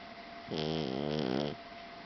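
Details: Snoring from a sleeping blue Persian tomcat: one drawn-out buzzing snore lasting about a second, with soft room noise around it.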